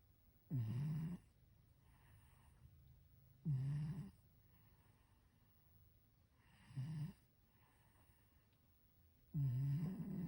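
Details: Sleeping cat: low rattling snores on each breath in, about four in ten seconds, with quiet pauses between; ordinary snoring.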